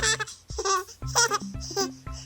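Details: Short bursts of high-pitched giggling from a baby girl over soft background music; an ordinary, happy baby laugh. Finding: infant laughter.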